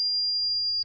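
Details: Electronic thermometer completion beep.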